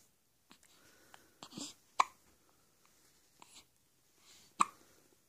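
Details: Baby in a quiet room with a few short, sharp catches at irregular intervals and soft breaths between; hiccups.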